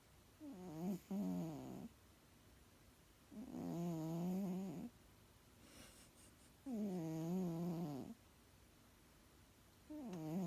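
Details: A sleeping pet making strange, long, droning, hum-like snores on each breath, about 20 a minute, with quiet pauses between them; unclear whether snoring or humming: tonal snoring.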